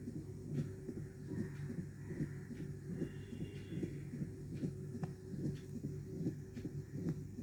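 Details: Mitral stenosis: regular heartbeat about 74 a minute with a low rumbling mid-diastolic murmur between beats.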